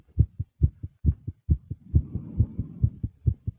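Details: Fast, nervous heartbeat of a female: rapid, regular paired thumps near 135 a minute with soft breathing sounds behind them; tachycardia.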